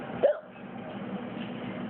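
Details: Friend who could not stop hiccuping: a single short, abrupt voiced gulp over low room noise.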